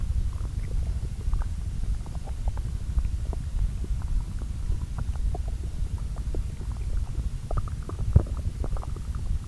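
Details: Normal bowel sounds of digestion, recorded over two areas of the lower intestine and overlaid: soft continuous gurgling and scattered bubbling over a low rumble as the gut churns the previous day's meals.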